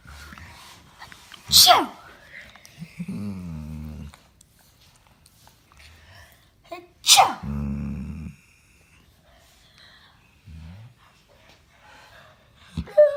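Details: Dog's reaction to human sneezes, most of them faked: two sharp, explosive sneezes, each followed by the dog's whining, grumbling vocal reaction.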